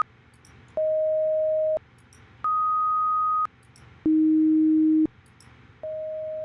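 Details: Student hearing test recording for a Human Computer Interaction project: four steady pure tones, each about one second long, at different pitches with short gaps; hearing test tones (audiometry).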